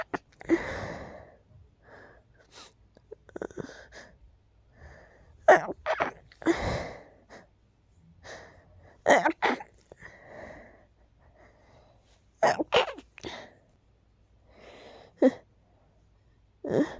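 A series of small, sharp sneezes, roughly eight, separated by quiet pauses and soft breaths in a quiet room.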